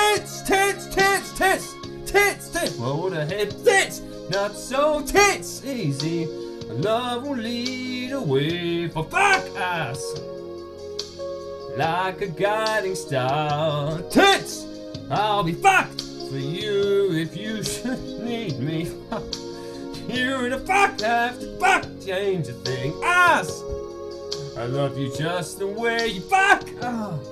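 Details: Singer with Tourette syndrome singing karaoke, with involuntary obscene words and shouts interrupting the lyrics; coprolalia vocal tics.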